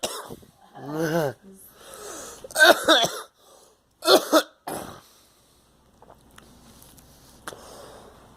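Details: Several harsh, forceful coughs with throat clearing in a quiet room; an ordinary cough.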